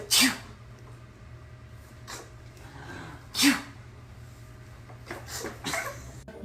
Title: Sneezing Babies Cute and Funny Sneezing Babies